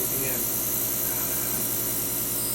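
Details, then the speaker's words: Home nebulizer for Evan, who has a tracheostomy with the trach balloon inflated, run with oxygen alongside a shaker vest: steady hiss with a constant low motor hum as the liquid medication turns to visible vapor. "let's turn it on and show them yeah the vapor good idea hopefully you can see this how he's uh appears like he's vaping"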